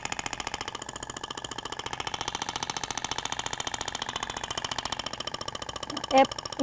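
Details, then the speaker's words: Rapid, steady mechanical tapping pulses with a brief louder burst near the end as a shockwave applicator, triggered by button and held at 90°, fires over the abdomen in a zigzag; shockwave therapy device firing. "então no caso aqui eu vou utilizar o botão posiciono o aplicador não sei se dá para todo mundo visualizar na imagem 90º inicio e os disparos eles ocorrem distribuindo de forma"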